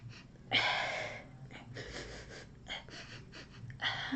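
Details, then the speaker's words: Person with Tourette syndrome having breathing tics that recently returned while grieving a family death: sudden sharp gasping breaths and short noisy puffs of air. "over the past few days I have started ticking with my breathing again as I've done in this video and I'm sure I'll do it again"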